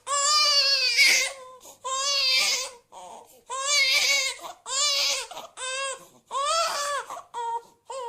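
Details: Cartoon sound effect of a crying baby (Oggy and the Cockroaches): repeated loud, high-pitched wailing cries in bursts with short breaths between; simulated infant cry.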